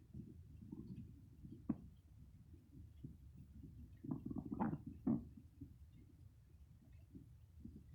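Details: Close-up stomach growls recorded without a microphone: low, irregular gurgles and a few louder rumbling bursts over a soft background. Ordinary stomach growling (borborygmi).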